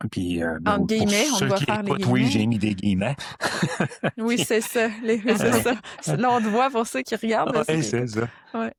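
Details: Adult speaker; no speech disorder.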